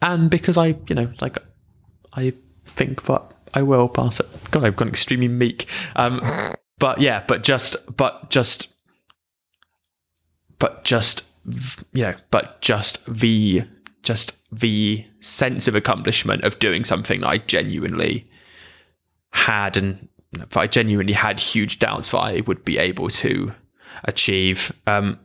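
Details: Adult man who stammers, reporting long drawn-out blocks on his name and difficulty with m and b sounds; stammering (stuttering).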